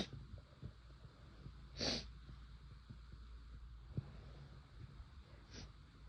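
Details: Sneezing induced by chhinkni sneezing powder, first-time use: one loud, forceful sneeze with sharp breath burst, then a smaller one, room noise between.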